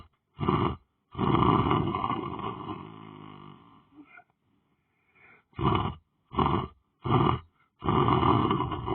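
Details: Person lying down on the floor sleeping, loud rough breathing sounds in bursts with pauses between them; heavy snoring.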